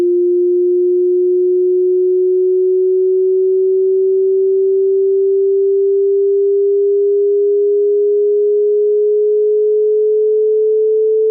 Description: A cool hearing test where you can measure your hearing capacity against the frequency.